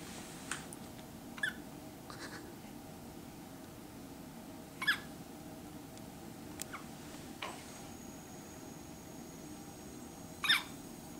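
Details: A newborn's first hiccups after birth, held in his grandmother's arms before hospital discharge: brief, soft, squeaky catches every few seconds in a quiet room.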